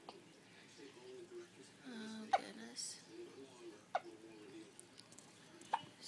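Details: One-week-old baby boy, content after feeding, with three brief, sharp hiccup clicks about every two seconds and soft baby sounds between; hiccups.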